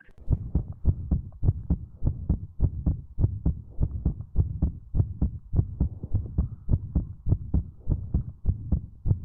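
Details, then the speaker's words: Pulmonary stenosis: regular heartbeat with a rough systolic ejection murmur after each first sound, best heard at the upper left sternal border and radiating to the back; its loudness relates to stenosis severity. "a magnitude desse sopro é diretamente relacionada à gravidade da estenose e pode ser auscultado melhor em borda esternal esquerda alta e furto e irradia para dorso"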